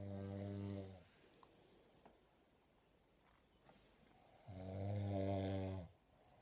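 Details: A person asleep gives loud, deep buzzing snores on breathing in, two in six seconds with quiet pauses between: heavy snoring during sleep.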